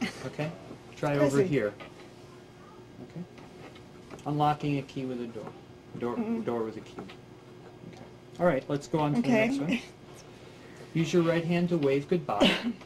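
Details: Adult voices, examiner and respondent; speech.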